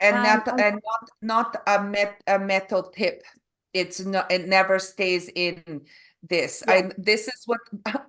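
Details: Adult Canadian woman with aphasia and apraxia of speech after a stroke in November 2023; foreign accent syndrome began after a further hospital episode in February, an accent she calls Eastern European; foreign accent syndrome with aphasia and apraxia of speech.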